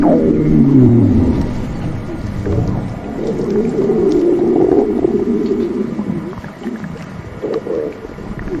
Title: Stomach Growling 💕💕